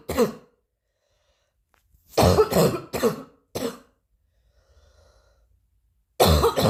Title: new cough 2